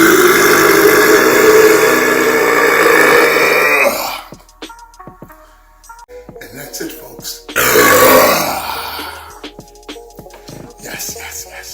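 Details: Two long, loud, rumbling voluntary burps from a burp compilation, separated by quieter noises with background music; burping.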